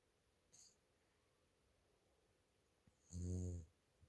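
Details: Dog Lil Caeser snoring in sleep: a single short, low snore in a quiet room with faint breathing around it.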